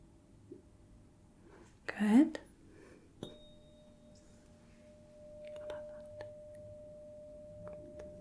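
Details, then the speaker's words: Simulated Rinne hearing test in a soft-spoken role-play: a soft whisper, then a tuning fork is struck and placed on the mastoid process behind the ear, ringing with a steady pure tone, before being moved in front of the ear. "strike the tuning fork and put it on the mastoid process behind the ear and if you could just tell me when you stop hearing that I will bring it in front of the ear"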